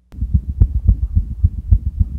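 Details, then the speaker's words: A veterinarian's own cat recorded through a stethoscope: rapid, regular, low heart thumps at about 210 a minute, with a steady rhythm and not completely clear sounds. These are normal feline heart sounds. "so you could listen to this and what i've got for you is a nice normal sounding heartbeat from one of my cats"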